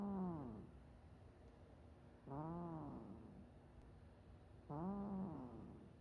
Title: Cat snoring!